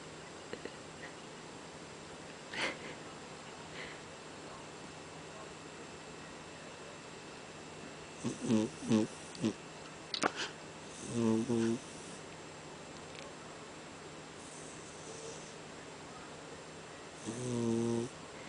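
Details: Sleeping cat snoring, described as out cold: soft, irregular snorting and rattling breaths with quiet room noise.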